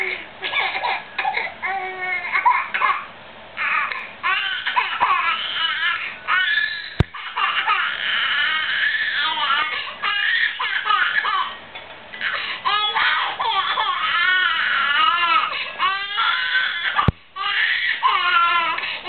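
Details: 8-month-old infant crying in a small room: sustained rising and falling wails separated by brief gasping pauses. Ordinary crying.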